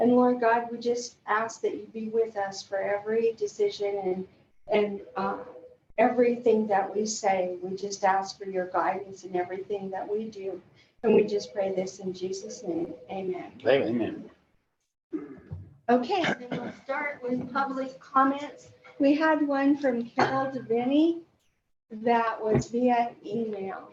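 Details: Adult woman speaking; ordinary speech.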